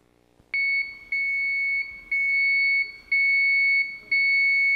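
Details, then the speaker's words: Neonatal feeding pump alarm in a NICU, sounding about every two and a half hours at feeds: loud, piercing electronic tone in repeated long beeps about once a second until a nurse silences it. "et la meilleur pour la fin la langue de l'alimentation donc c'est toutes les deux heures et demi à peu près"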